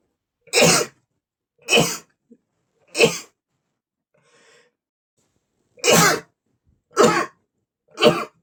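Six forceful sneezes in about eight seconds, each a sharp explosive burst of air, one after another in a rapid series.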